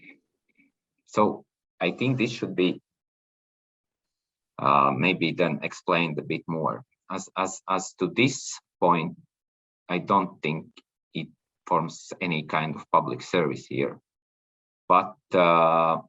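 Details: Adult man speaking; normal voice.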